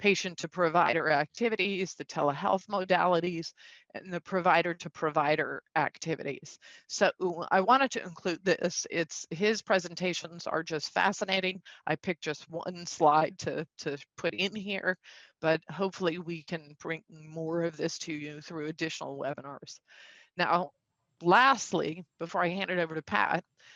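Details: Man with spasmodic dysphonia, a neurological vocal cord disorder he says acts up; diagnosed a couple of years after 2001 through a telemedicine consult; he also has Duane syndrome, a neurological eye disorder; spasmodic dysphonia.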